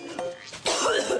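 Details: A single sharp, harsh acted (simulated) cough from an adult woman, with faint background music; cough.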